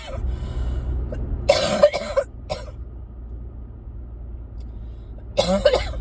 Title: #12 - I can NOT shake this cough